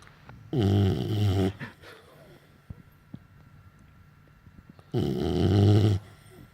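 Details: Pitbull sleeping in owner's arms: two loud, deep, buzzing snores about four seconds apart, each about a second long, with quiet breathing between; snoring.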